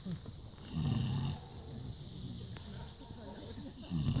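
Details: Low, rumbling snorts and snores in bursts between quieter breathing from a sleeping 18-year-old small-animal mascot, since deceased; snoring.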